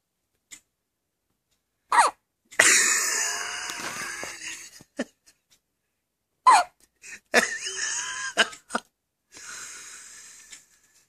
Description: My baby has the hiccups . Suuuper cute